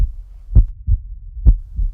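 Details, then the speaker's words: Deep paired lub-dub thumps, about 65 a minute: a heartbeat sound effect in a dramatized short film for a pregnancy center, not a real recording. "I hear your heart beating. I love you so much."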